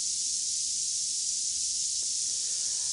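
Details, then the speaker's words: Simulated moderate tinnitus: a steady, unbroken high-pitched hiss, described as loud enough to become very distracting; louder than the mild level, softer than the severe level. "But if you have a moderate level of tinnitus, it can, in fact, begin to be very distracting."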